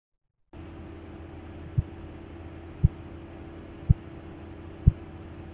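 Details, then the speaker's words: Korotkoff sounds through a stethoscope at the cubital fossa during cuff deflation from about 160. Soft, regular tapping thumps at about 57 a minute; blood pressure about 105–110/60. "The sounds disappeared in the moment when the cuff pressure was approximately 60. So we can say that the blood pressure is approximately 110 or 105 systolic blood pressure and diastolic blood pressure 60."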